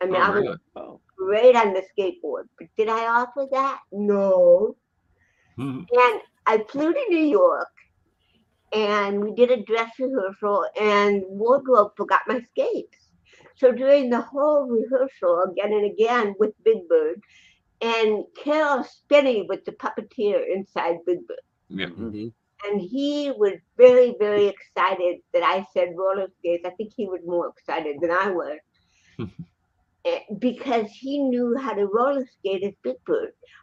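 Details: Adult woman, an actress and comedian, with cerebral palsy since birth in 1956, plus 75% hearing loss and hearing aids, in real unscripted speech: dysarthria (cerebral palsy).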